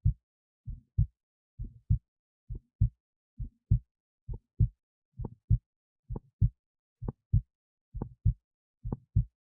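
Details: Own heartbeat recorded with an esophageal stethoscope, so the stethoscope sits in the esophagus near the heart, alongside an EKG: normal heart sounds.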